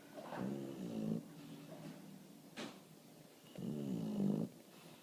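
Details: Sleeping bulldog, tired after barking at a bird in the window, snoring: two loud rattling, fluttering snores separated by a quiet exhale, typical flat-faced dog snoring.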